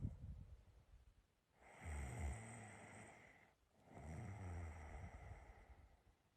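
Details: Adult sleeping, recorded by themselves: two long, low, rattling breaths, each a rough snore on the inhale, with quiet gaps between; ordinary adult snoring.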